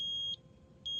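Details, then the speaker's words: Eagle Impact Uni-Vent 754 transport ventilator, FiO2 turned up to 100%, with the 50 psi line not connected to an oxygen source: repeating high-pitched electronic beeps, the low oxygen supply alarm. "100% and it's alarming because the 50 psi line is not currently hooked up to an oxygen source and it can sense that that's kind of a nice feature because if you were to run out of oxygen or forget to hook it up to oxygen it's alarming you telling you there's something wrong"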